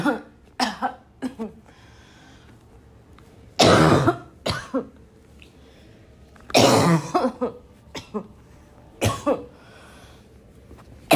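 Repeated harsh, loud coughs with throat clearing, about 20 bursts a minute: a barking coughing fit.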